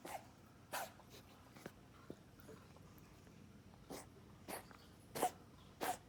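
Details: Dog coughing: about six short, sharp, huffing coughs at uneven intervals, with quiet room noise between them.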